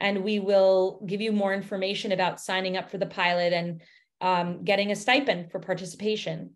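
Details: Adult woman; no speech disorder.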